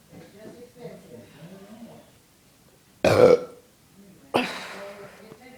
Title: Talent #2-Burping